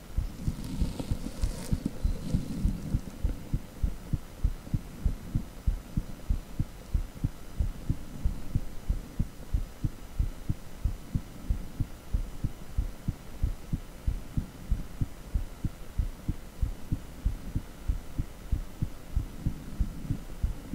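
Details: Echocardiogram Doppler audio: steady, rapid whooshing heartbeat thumps at around 94 beats a minute over a low hum.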